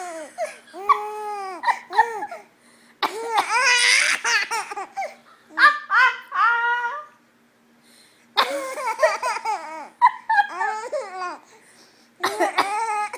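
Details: A mother's few short coughs, each answered by bursts of high, gleeful laughter from her 4-month-old baby.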